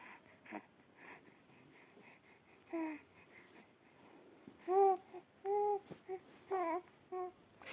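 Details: Infant with bronchopneumonia: rapid, faint noisy breaths with short whimpering grunts on several breaths, snore-like "grok-grok" sounds even when awake; laboured noisy infant breathing (dyspnoea).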